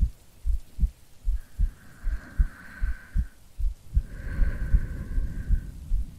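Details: Steady low heartbeat thumps, around 75 a minute, from an ASMR creator playing a sleepy girlfriend, recorded as a sleep aid under rain and rolling thunder; normal heartbeat.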